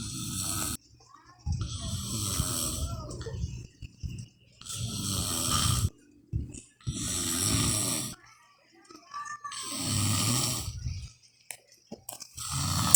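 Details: A father snoring: loud, rough, rattling snores on each breath, about five in the clip, separated by quiet pauses, with a child's voice faintly heard.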